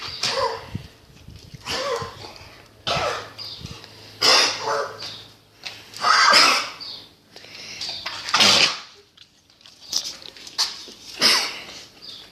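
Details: German Boxer dog: about six harsh, hacking coughs with throaty gagging, each lasting about a second, in a small room; dog cough.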